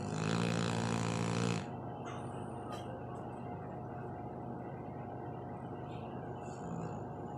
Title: Dog snoring